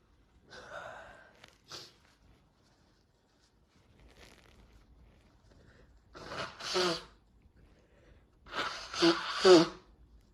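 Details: Hay fever sneezing after cutting grass during a month of heavy symptoms: sharp in-breaths and quieter nasal sounds, then a run of explosive sneezes, from a compilation of two sneeze attacks with nose blowing.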